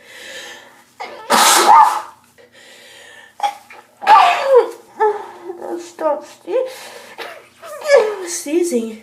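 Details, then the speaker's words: Girl sneezing from allergies, trying to hold sneezes back: a sharp, explosive sneeze, then breathy catches and voiced gasps as more build, and a second forceful sneeze. "sneezing. Okay, I'm so tired of Steeying. I'm going to try and Hold it back."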